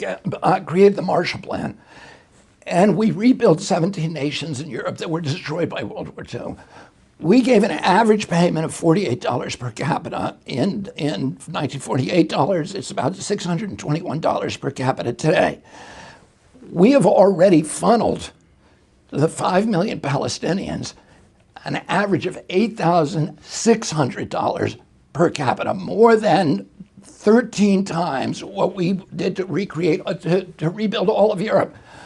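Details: Adult male with spasmodic dysphonia; he reports a very strong voice until age 42, then onset in 1996 after a neurological injury, which he attributes to his brain sending wrong signals to his vocal cords.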